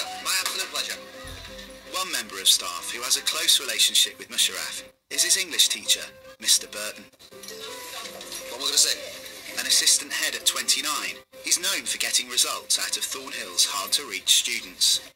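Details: Adult male narrator and another adult male speaker; ordinary speech.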